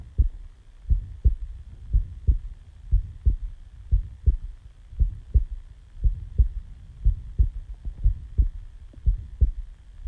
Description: Hi guys I was recording my heartbeat after waking up after sleeping and all that I decided to record how my heart sounds like.